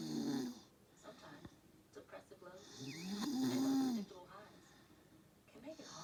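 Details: Elderly man (grandpa) asleep with the TV on, snoring: loud, rough snore on the in-breath with throaty rattling, television audible; he is woken and told he was snoring.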